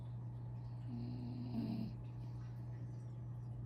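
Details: Small mini doodle dog asleep again after breakfast: one soft, low snore over a steady background hum.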